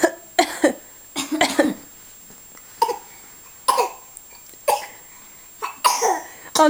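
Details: Child coughing: repeated short bursts, about eight coughs in quick clusters separated by brief pauses.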